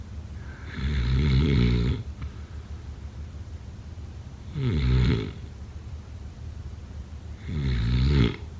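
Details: Snoring during sleep, sound-effect/ASMR recording: loud rattling inspiratory snores, about three in 8 seconds, with quiet breathing between; typical snoring.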